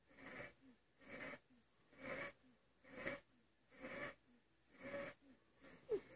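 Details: Fast, noisy breathing from a sleeping child during an asthma attack, with short whistling squeaks on each breath; wheezing.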